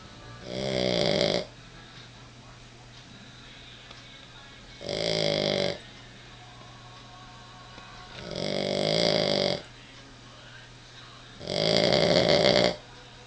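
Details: Female snoring in bed at night, said to sound just like a human: four loud, rattling snores at regular intervals, roughly fifteen to eighteen breaths a minute, with quiet gaps between.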